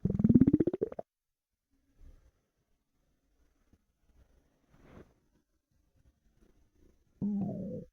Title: empty stomach rumbling 4 hours hungry